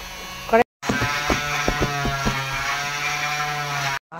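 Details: Oscillating cast saw with a steady high buzzing motor whine and gritty cutting bursts, cutting off a man's plaster leg cast.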